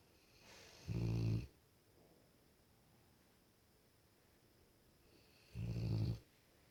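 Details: Two deep, loud, rattling snores several seconds apart, quiet room between, from a female Cane Corso dog; snoring.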